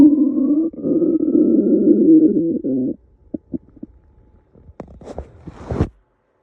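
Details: Stomach growling (borborygmi): a drawn-out, rising gurgling growl lasting about three seconds, then a string of small pops and bubbly squelches.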